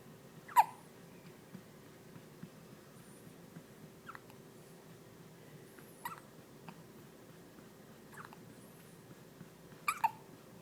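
Short sharp squeaky hiccup bursts repeating every couple of seconds over a steady room hum; hiccups.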